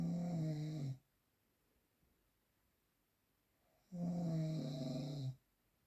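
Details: Real unprocessed recording of two loud, low rattling snores, each on an in-breath, about three seconds apart: snoring.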